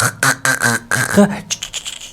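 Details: Demonstration of clonic stuttering (sound repetition): a single sound is repeated in succession so the word does not come out.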